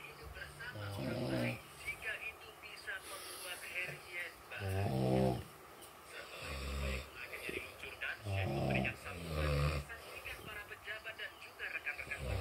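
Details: Loud sleep snoring: rough low snores on breathing in, a few seconds apart, mixed with fluttering sounds and faint background noise.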